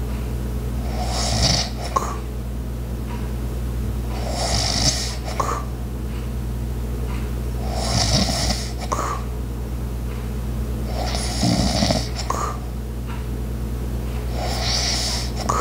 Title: light Snoring Sounds while other Sounds in da back ground #asmr #asmrsounds